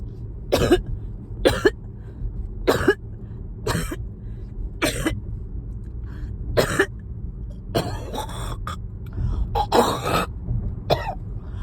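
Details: Person coughing while riding in a car, with phlegm stuck: a fit of about ten harsh, forceful coughs in quick bursts with throat clearing, over steady engine rumble.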